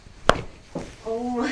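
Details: Manual chiropractic back adjustment, with the lumbar spine being worked on just before: one sharp joint-cavitation crack followed by a startled vocal reaction from the patient.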